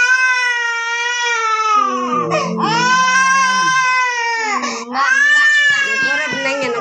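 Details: Baby, teething with two or three teeth and sick with cough and cold, crying during traditional massage: loud, sustained, clear-toned infant crying with brief catches between cries.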